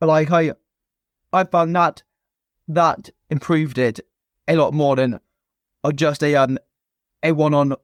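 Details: Stuttering (stammer) present since a young age in an adult man, a former soldier, in spontaneous conversational speech.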